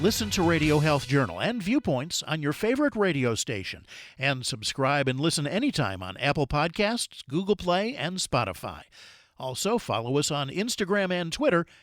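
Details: Adult male announcer; Ordinary speech.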